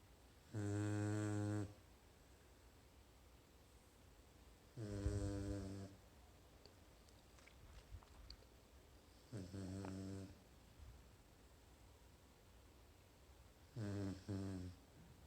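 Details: Sleeping dog snoring: four soft, buzzing snores with long quiet gaps, about 14 a minute.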